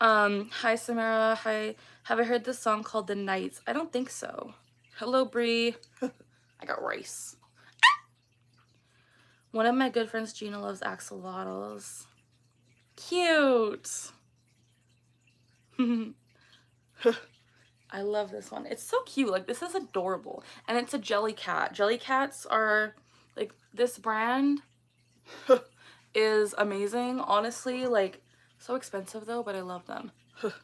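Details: Vocal tics of Tourette syndrome in a 24-year-old woman; a phrase tic ("I got rice") that she says does not sound like her normal voice occurs during casual conversation.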